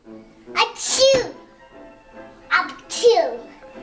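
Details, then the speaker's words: Young child fake-sneezing: two voiced 'achoo' bursts, each a quick intake then a sharp release; imitated sneezes, not real. "Why are you fake sneezing?"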